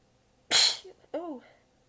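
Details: One forceful sneeze followed by a voiced, tired exhale, part of a long massive fit; the person was exhausted with sore abs and biting sneezes back. Sneezing fit.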